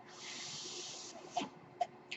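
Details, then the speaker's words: Speaker's own home mechanical ventilator heard while talking: a steady airy hiss for about a second, then brief puffs and clicks as a breath is delivered. "Hello everyone. That noise you're hearing is my ventilator."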